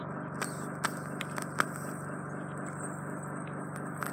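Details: Endoscopic microsuction of impacted ear wax in a client with chronic yearly wax build-up that runs in his family: continuous suction hum with scattered sharp clicks and crackles as wax is drawn through the suction tip.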